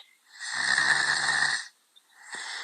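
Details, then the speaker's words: Snoring in a 15-year-old boy with grade 3 tonsillar hypertrophy who was near tonsillectomy: loud snoring during sleep, recorded before transdisciplinary treatment; he scored 19 of 22 positive on a sleep questionnaire. "escuchen como este niño está robando 15 años empieza a roncar demasiado de una manera que nosotros pensaremos que estamos cantando porque si no soy está roncando está durmiendo bien"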